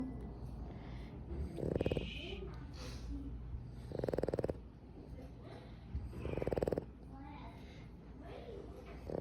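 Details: Boston Terrier dog snoring: three loud, rattling snores about every two and a half seconds, with quieter snuffling breaths between them.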